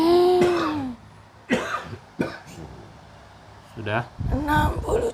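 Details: Three short cough and throat-clearing bursts amid voices in a room, from an adult with a chronic cough during a ruqyah healing session.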